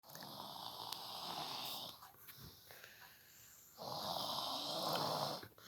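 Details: Sleeper stretched across a bed, snoring: two long, loud, rough, rasping snores separated by a quieter pause; ordinary snoring.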